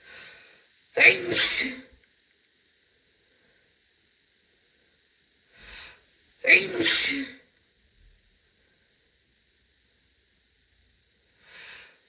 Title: loud female sneeze (F)